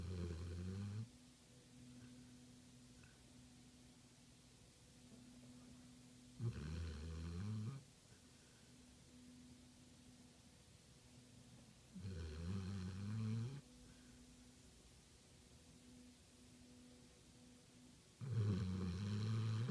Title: LILLY, pit pinscher snoring